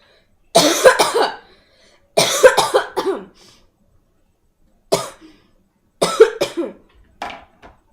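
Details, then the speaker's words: Acted cough from a young woman in a quiet room: bouts of short, dry-sounding coughs, several in quick succession with brief pauses. "Could you try to, like, hold it in or something? It's a cough. I can't."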